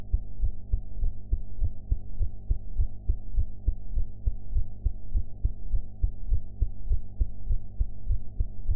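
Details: Heart sounds recorded after eating, sound quality enhanced; steady low heartbeat thumps at about 100 beats a minute over a low hum, ordinary heart sounds.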